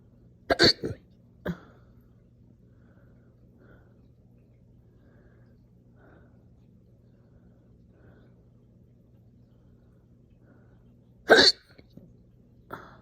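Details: Slow but super aggressive, painful hiccup burps after breakfast: forceful, abrupt hiccup bursts with throaty, burp-like endings, widely spaced with quiet between. Hiccups.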